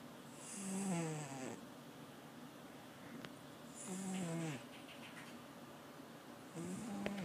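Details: 17-year-old cat snoring while snoozing in a cardboard box: three rough, low snores with a whistly hiss, about 19 a minute, falling in pitch through each breath.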